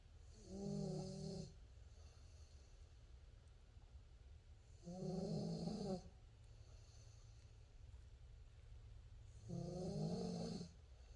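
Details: Dog sleeping after playing hard: three rattling snores on inhalation, about one every four to five seconds; plain snoring.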